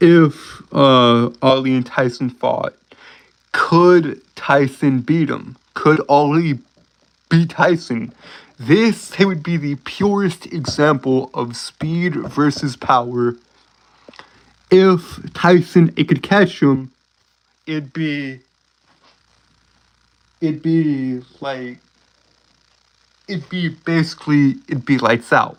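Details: Stuttering in a man who says he has a speech impediment he cannot control, making him sound like he is tripping over his words.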